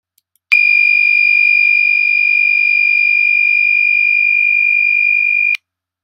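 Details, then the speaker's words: HeartMate II left ventricular assist device system controller "no external power" hazard alarm: a constant, steady, high-pitched tone of about five seconds, shown with a flashing red battery warning light; power must be connected immediately. "system controller no external power alarm what you see and hear this alarm is indicated by flashing red battery warning light on the user interface connect power immediately"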